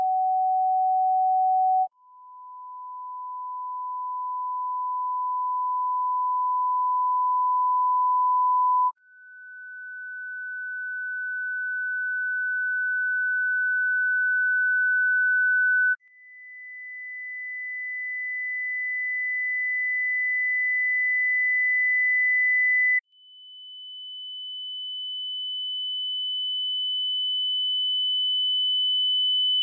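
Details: Tinnitus pitch-matching test using pure sine tones from 200 Hz to 14000 Hz: steady tones stepping upward in pitch.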